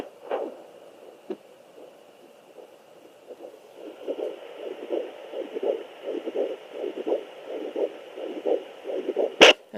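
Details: A pregnant woman lying down uses a Sonoline fetal Doppler (2 or 3 MHz) with gel. Rhythmic whooshing pulses over a steady hum are her own slow heartbeat, not the baby's: maternal heartbeat.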